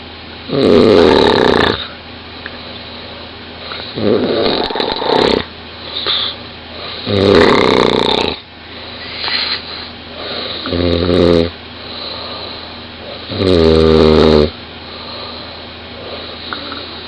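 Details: A 20-year-old woman snoring very loudly in bed, recorded by her boyfriend lying next to her: loud, rough inspiratory snores, about ten a minute, some with a buzzing flutter, with quieter breathing between them.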